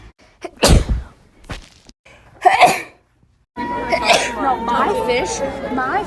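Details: Sudden explosive sneezes followed by voice and background music; ordinary sneezing.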